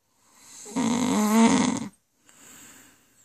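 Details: A loud, rattling, buzzing snore on the in-breath, followed by a quieter breath out; snoring from an adult woman, a wife.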